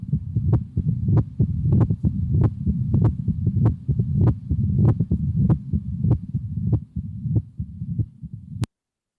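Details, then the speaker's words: Severe mitral stenosis: regular heartbeat near 97 a minute with a low-pitched, continuous rumbling diastolic murmur filling the gaps between beats, best heard at the left ventricular apex: mitral stenosis murmur. "So this is a diastolic murmur that's a rumble best heard at the left ventricular apex. And so we'll play the sound of the murmur of mitral stenosis, severe mitral stenosis."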